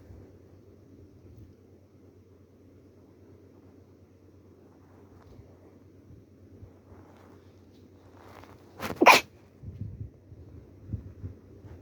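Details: Female with a cold and a little stuffy: quiet room noise, then a sharp double sneeze burst followed by a few softer sniffs and breaths; sneezing.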